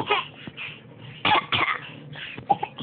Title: Fake cough